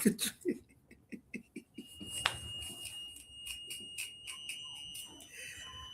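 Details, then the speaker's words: Insulin pump pod alarm of a woman with type 1 diabetes, beeping because the pod is running out and due to be changed: repeated high-pitched electronic beeps over talk and laughter during a livestream. "If y'all hear that little beeping going on, it is y'all know your girl is type 1 diabetic, so that's my little pod going out. So I'm turning it off so I can change it out."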